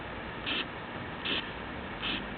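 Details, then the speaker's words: Simulated carotid bruit on a patient-simulator mannequin, stethoscope on the neck: soft rhythmic whooshing bursts about 75 a minute, with no heart sounds. "sam provides several brewery sounds in the neck listen as a stethoscope is placed here"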